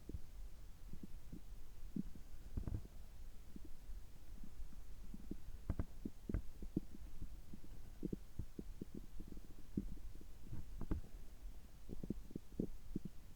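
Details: Bowel sounds recorded from the abdomen just after a gastroscopy (upper endoscopy) at a checkup with normal results: soft irregular gurgles and low rumbles over a steady hum; ordinary bowel sounds.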